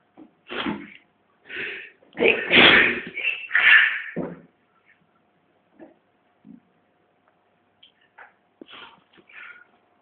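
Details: Several loud, explosive sneezes in quick succession, then quieter sounds; twin sneezes.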